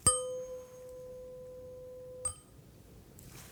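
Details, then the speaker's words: Simulated ASMR medical exam: a struck tuning fork rings with a steady pure tone, then a soft tap and rustle, as the listener is asked to say when the sound can no longer be heard; tuning fork hearing test, one ear then the other. "now i'm gonna do the same thing but i want you to tell me when you cannot hear the sound anymore"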